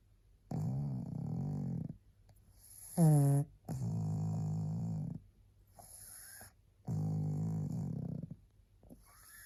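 Loud, rattling snores on each breath, about four cycles in ten seconds, from a small flat-faced dog; ordinary snoring.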